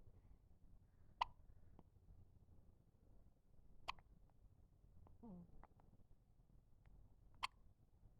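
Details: One-week-old baby with hiccups: three sharp, brief hiccup clicks at regular intervals roughly every three seconds in a quiet room.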